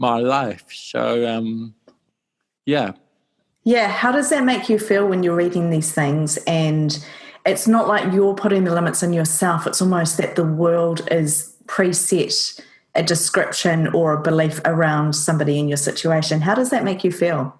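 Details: Adult speaker; ordinary speech.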